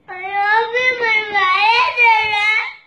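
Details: A young child gives one long, high-pitched wailing cry rising and falling for nearly three seconds, after being slapped in the face by mom: crying.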